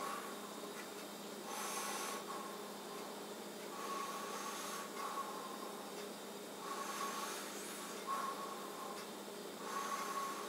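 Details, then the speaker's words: Man breathing deeply during stethoscope auscultation of the posterior chest: soft, even rushing breaths, clear normal vesicular lung sounds with good airflow, not diminished. "those lungs are clear transportation not diminished you can hear the good airflow"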